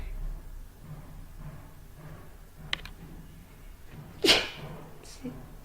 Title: Cant stop sneezing